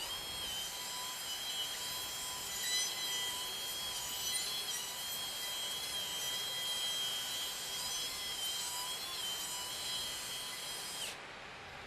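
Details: Cadaver demonstration of endoscopic Draf III (outside-in technique), drilling off bone for frontal sinus pathology to maximise the frontal sinus opening: steady high-pitched drill whine with gritty grinding on bone, then an abrupt stop; surgical bone drill.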